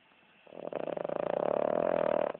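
A loud, rattling snore builds over about two seconds, a rough, vibrating sound during sleep breathing.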